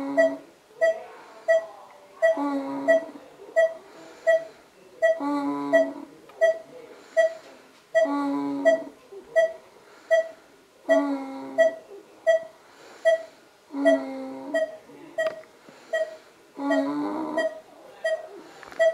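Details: A diaphragm pacer (breathing pacemaker) in operation: steady, rapid electronic beeping with rhythmic airy surges.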